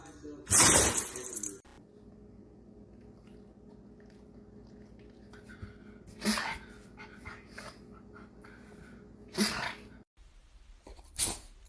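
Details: Dog sneezing: a sharp, explosive nasal burst followed by a few quieter snorting bursts over low room hum.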